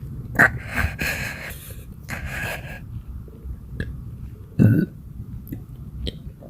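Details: Badly bloated person belching non-stop for about 6 minutes: several loud, throaty belches with gurgling between them, repeated burping from bloating.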